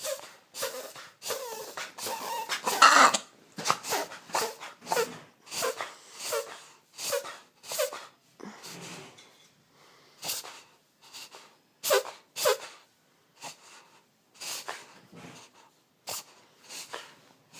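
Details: 9-month-old puggle puppy reverse sneezing: rapid, repeated noisy snorting inhalations; blocking the nose reportedly can help stop it.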